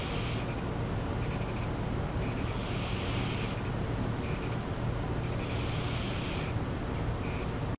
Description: I was sitting at my computer and I hear this breathing sound, turn around and there Lucky was, asleep and snoring. haha.